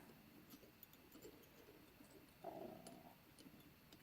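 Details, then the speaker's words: An adult's audible stomach growling (borborygmi): a brief, loud, tonal gurgling rumble in a quiet room. "that was loud almost sound like Aaron with the stomach growlin"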